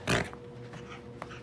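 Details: Dog in week 3 of treatment, energy better, runny nose slightly better, still some gasping: a loud wet snort then softer snuffling breaths of nasal congestion, worse with play.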